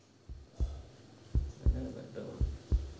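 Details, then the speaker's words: Stethoscope on the chest, slightly to the left, of a rescued captive bear during a head-to-tail health check: steady paired heart thumps at about 57 beats a minute, a regular normal heartbeat. "และที่นั่นการได้ยินเสียงเต้นของหัวใจหมีเป็นเรื่องที่น่าอัศจรรย์มาก"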